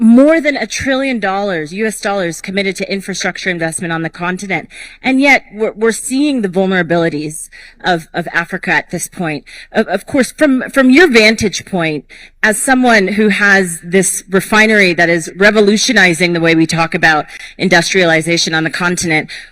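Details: Adult speaker (conference moderator); Normal voice.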